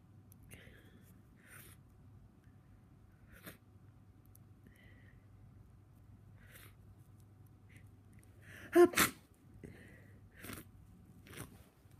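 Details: Person with a cold, totally congested: quiet sniffing, then a sharp double sneeze burst, followed by a few softer sniffs: sneezing.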